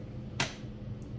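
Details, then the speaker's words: High-flow nasal cannula setup: a single crisp click over faint room hum as the humidifier bottle is spun left onto the oxygen flowmeter, seating the threads correctly before tightening right; this avoids cross-threading that leaks oxygen. "that's the threads setting in the proper place and you can see that that's even now and now you do your right tighten it"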